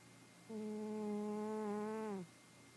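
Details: Cat snoring in a quiet room: a single steady, buzzing, tonal breath lasting nearly two seconds, dropping in pitch as it ends.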